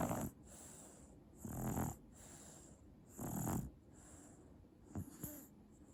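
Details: Eight-month-old Japanese baby sleeping well: soft rhythmic snoring with each breath, about nine breaths in 15 seconds, over quiet room noise; harmless infant snoring.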